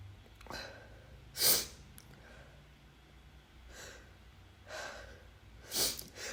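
Several sharp, explosive sneezes from an adult, with audible breathing and sniffs between them in a quiet room.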